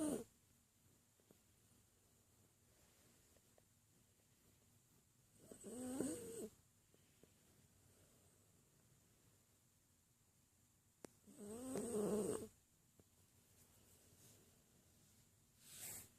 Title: Snoring puppy